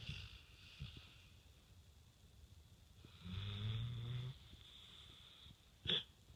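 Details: Light snoring with the tongue out: soft breathing with one low, buzzing snore and a brief snort at the end.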